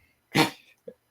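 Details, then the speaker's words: Large female dog, unwell and quarantined from other dogs, with a cough going around: a single harsh, forceful cough burst followed by a brief softer sound. "if you can hear my dog is coughing in the background she's got a little a little cough and it's not good a big girl so here she is over here"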